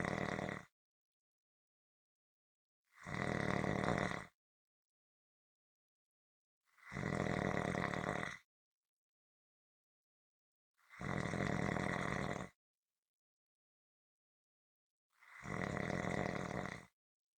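Loud, harsh rumbling snores in a steady rhythm, about 16 a minute, with silence between them: rhythmic snoring.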